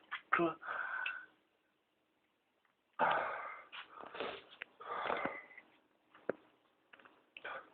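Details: Adult with pertussis (whooping cough), ill about two weeks and tested, filmed at about 7am: a coughing fit with harsh, gasping, wheezy inhalations between bursts; paroxysmal cough with whoop.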